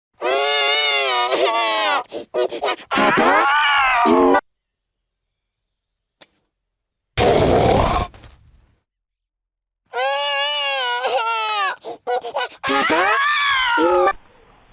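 Loud wailing cries in long bursts with pauses, from a cartoon soundtrack; acted crying rather than a real infant.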